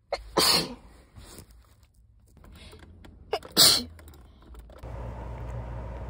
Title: August/September sneeze compilation